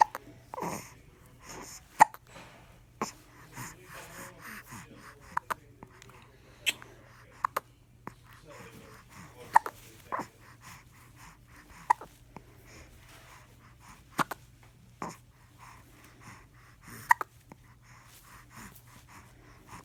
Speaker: got the hiccups?